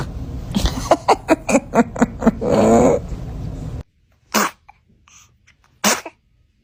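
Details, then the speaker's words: Infant sneezes: a run of short breathy huffs and a brief fussy sound, then after a pause two sharp, quick sneezes. "Oh, goodness. Were you about to sneeze? Are you okay? Are you okay? Bless you."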